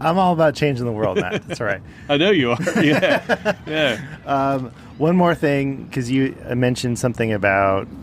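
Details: Adult man speaking; typical speech.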